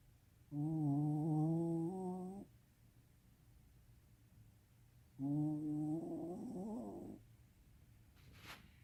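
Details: Snoring recorded 14 July 2017: two long, tonal, humming snores about five seconds apart in a quiet room, strongly voiced with a whistling quality.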